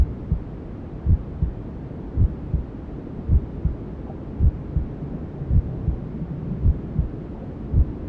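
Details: Newborn sleep-aid ASMR: soft muffled mother's heartbeat, about 54 beats a minute, under steady rushing white noise, a womb-like sound; heartbeat with white noise.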